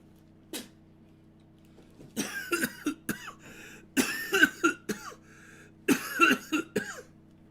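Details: About four clusters of harsh coughing over a low steady hum, from an adult during a livestream who says he is sick with a cold, possibly caught via his puppy.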